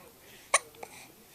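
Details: A single sharp, brief hiccup with a fainter second catch just after, in a quiet room while lounging watching TV; hiccup.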